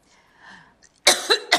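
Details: An adult woman coughs through the end of a public speech: after a faint, quiet stretch, a loud, abrupt run of about three coughs.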